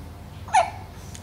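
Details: Young boy: one short, abrupt vocal hic against quiet room noise; a single hiccup.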